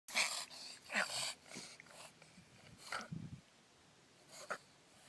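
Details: Dog Piper: rapid, harsh, snorting breaths pulled in through the nose during a reverse sneezing episode.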